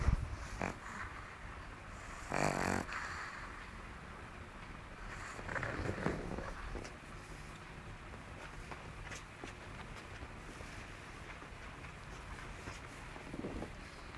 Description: fergie the pug snores for the camera... our poor baby recovering from her mange